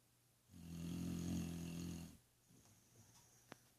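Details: A single low, buzzing snore lasting about a second and a half, followed by a quiet out-breath; snoring.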